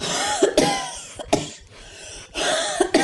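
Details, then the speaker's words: Acted cough illustrating asthma symptoms, cough worse at night, early morning and after exercise: several harsh, dry coughs in short bursts. "운동 후에 기침이 나빠지고 가슴에서 쌕쌕거리는 소리나 휘파람 소리가 납니다."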